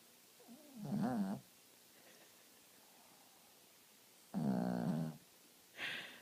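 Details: Dog in deep sleep snoring: two drawn-out, vibrating snoring breaths separated by quiet pauses.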